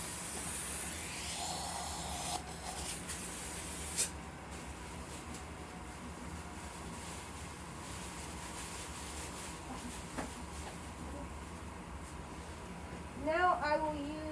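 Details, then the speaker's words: Steady hissing spray and suction noise with brief clicks as a dental air-water syringe gives a quick rinse after polishing an MO amalgam filling on tooth #15, with suction collecting the water. "And I will use the HP to collect up anything that flies off. I will give a quick rinse."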